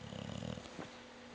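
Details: Dog Rooney snoring with eyes open: a short fluttering, rattling snore followed by a quieter snort.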